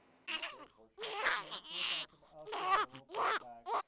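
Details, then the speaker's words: An infant with laryngomalacia, recorded during scope viewing of a floppy voice box where everything flops in on breathing in: inspiratory stridor. "Here is another example. Look at how everything flops in, and note the stridor."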